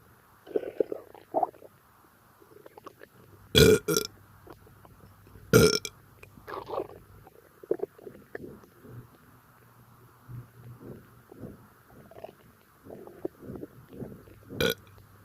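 Two loud burps among soft gurgles and quiet mouth noises in a quiet room; ordinary belching of swallowed gas.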